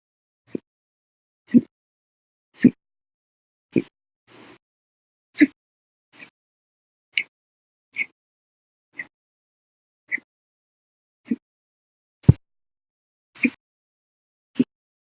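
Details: Sharp, brief, violent, loud hiccups repeating about once a second, roughly 55 a minute, in a quiet room, in a bout lasting 13 hours 34 minutes after eating meals and drinking soda; hiccups.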